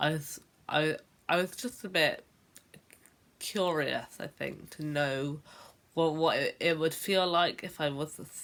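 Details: Adult woman who has stammered since about age 10; stuttering (stammering).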